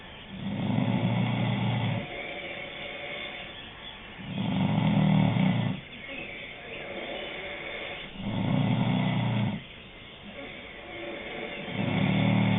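Loud, rough, low snores come on each breath in, with quieter breaths out between them. About 5 breaths a minute can be heard. Plain snoring.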